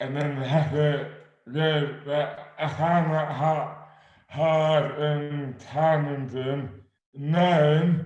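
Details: Adult man with dystonia (oromandibular), slurred speech beginning suddenly overnight in 2008 without warning, speech dramatically impaired, hands also affected; dysarthria due to oromandibular dystonia.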